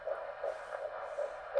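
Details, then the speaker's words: Fetal heartbeat on Doppler during a pregnancy check, with fundal height six fingers below the umbilicus consistent with gestational weeks: fast, rhythmic whooshing pulses at about 160 beats a minute, judged normal. "On puisse bien entendre le cœur dans le micro. Fait que tu vois, il est autour de 160."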